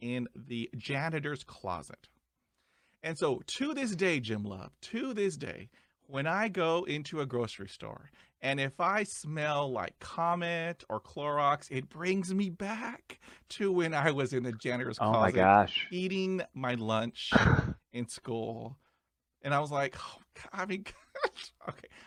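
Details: Male podcast host who describes himself as a person who stutters, with repeated interjections and part-word repetitions; he reports having blocks and repetitions; stuttering.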